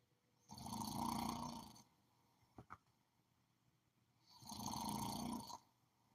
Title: Snore like a bear #sleeping #shorts #video #video